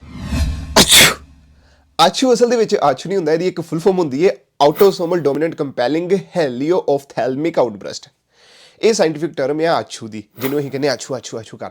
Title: What does ACHOO mean? Why do we sneeze? 🤧